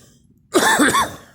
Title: me coughing